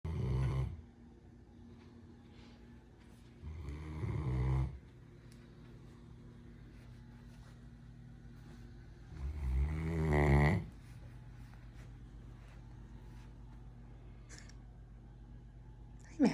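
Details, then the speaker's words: 10-month-old female Great Dane puppy sleeping in a chair: three loud, fluttering snores several seconds apart, with quiet room noise between; snoring. "sorry i didn't mean to wake you up you were snoring so happily oh you must rest up for more squirrel tv"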